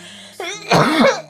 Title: Girl Coughing 335